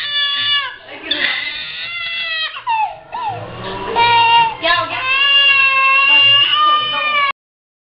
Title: Baby RONA.mpg || bachche ki rone ki awaj || chota bachcha || rona || crying baby || baby